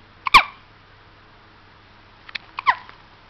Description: 2 weeks old baby hiccup so cute + loud